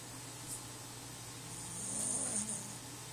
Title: Snoring doggy